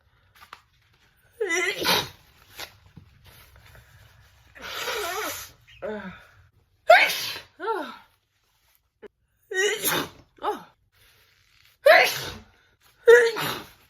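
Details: Allergic sneezing from a hay fever sufferer: a run of about six loud, explosive sneezes with short pauses, each preceded by a drawn-in breath.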